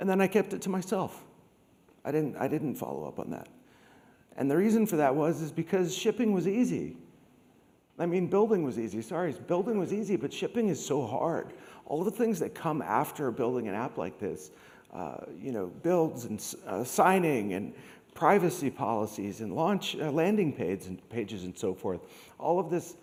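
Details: Adult man with degenerative, permanent neurological spasmodic dysphonia caused by long COVID, once reduced to a whisper, treated with Botox injections into the vocal cords, speech therapy and laryngeal manipulation; spasmodic dysphonia.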